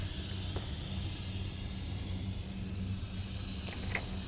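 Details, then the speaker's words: Oxygen flowmeter hiss as the dial is turned up to 15 liters to fill an Ambu bag with oxygen before tracheostomy suctioning. "I will need to turn this dial and turn this up to 100 or 15 liters I know this is ready because this is full of oxygen"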